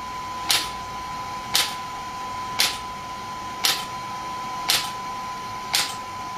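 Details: Shockwave therapy device (SW5S, used for ED and plantar fasciitis) firing sharp, evenly spaced clicks about once a second over a steady faint tone, applied with gel while the patient's feet rest on a support.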